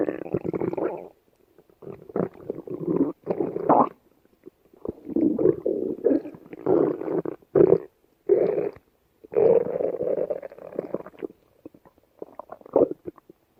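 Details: Female's stomach: irregular bursts of low gurgling and rumbling from the belly; ordinary stomach growling, bowel sounds (borborygmi).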